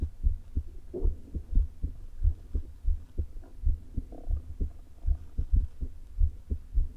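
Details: Woman recording her own heart through a low-placed stethoscope before open heart surgery: irregular, unevenly spaced heartbeats with a faint low rumble, stomach rumbles present; atrial fibrillation with a leaking heart valve.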